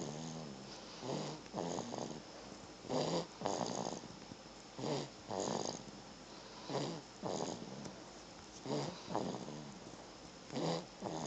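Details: Rhythmic rattling snores on each breath, about 32 a minute, with quiet pauses between; a sleeping infant snoring.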